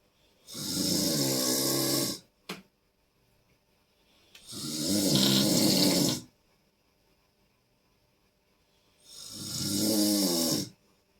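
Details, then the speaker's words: Adult husband snoring at 3 a.m., keeping his wife and baby awake: very loud, harsh snoring with long rasping breaths about 14 a minute, separated by silent gaps. "শুনে এটা আমার হাজবেন্ডের নাক ডাকা। এরপরে ওই ঘরে নিয়ে যাচ্ছি আমি।"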